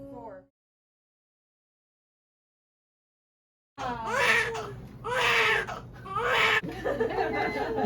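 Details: Newborn baby boy's first cry right after vaginal delivery with epidural: brief silence, then strong repeated wailing cries with falling pitch; vigorous cry.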